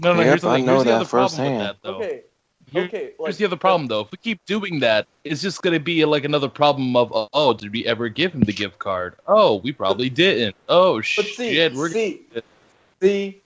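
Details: Adult man; normal speech.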